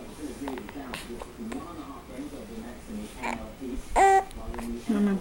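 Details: Baby having hiccups: a few brief, abrupt infant hiccup sounds, with adults talking in the background.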